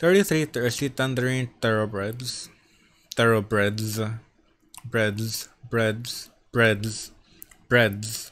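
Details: Adult male who reports both a stutter and a lisp, reading tongue twisters, with repeated words; he says he doesn't know how to fix the lisp; stuttering with articulation error (lisp).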